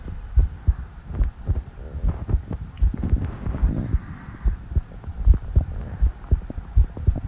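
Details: Muffled, low thumps of an adult heartbeat heard close to the chest, with soft gurgling underneath, during a prune juice challenge; the person feels the heart beating very fast and has loud stomach growls.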